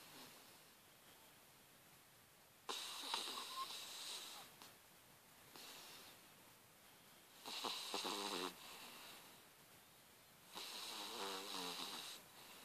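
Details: Soft, whistling, wheezy snores from a sleeping puppy, three breaths over about twelve seconds, with faint background hiss.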